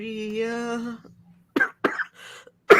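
Two short, sharp cough bursts from an adult, with a brief sustained voice sound before and voiced sounds after: a plain cough.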